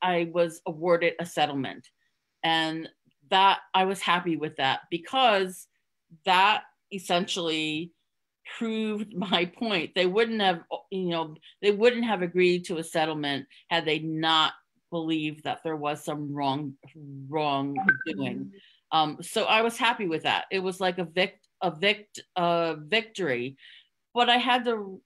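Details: Adult woman who stutters and hid it (covert stuttering) for close to 30 years before becoming open; word and part-word repetitions audible; stuttering.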